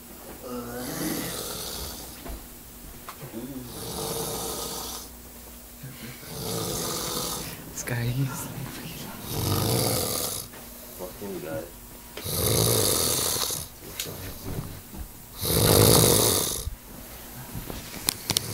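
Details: Man heavy snoring: loud, harsh snores roughly every 3 seconds, about 6 in all, growing louder through the clip.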